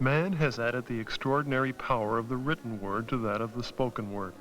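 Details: Adult male narrator; normal speech.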